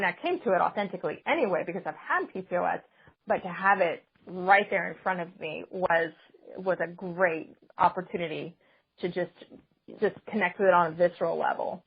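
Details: Adult woman speaking; normal conversational speech.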